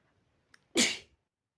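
A single sharp, hissing sneeze burst after a faint catch of breath; an ordinary sneeze.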